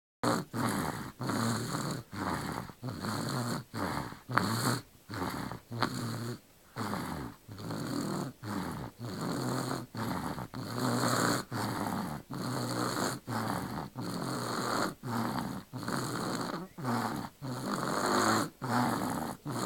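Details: Baby snoring in sleep: rapid, regular snorty breaths, about 25 in 20 seconds, each with a rough flutter, suggesting a noisy upper airway; snoring.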